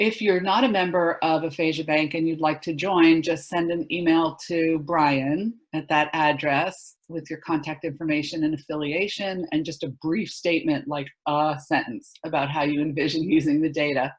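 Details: Adult woman speaking; normal speech.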